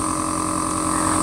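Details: Steady mechanical hum and whine of a nebulizer compressor running without interruption during a doctor's live demonstration of home nebulizer use with a face mask.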